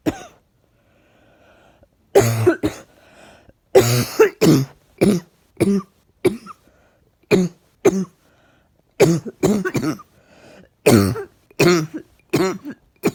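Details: Person with something stuck in the chest, out of breath, sniffing and coughing (January 2019): about twenty short, forceful coughs in clusters with throat clearing between bursts in a quiet room.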